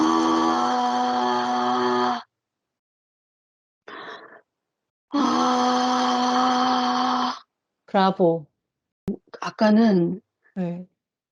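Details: Hoarse voice from vocal cord paralysis persisting over 10 years after thyroid surgery, during pitch-raising voice training exercises; rough, husky voice quality remains.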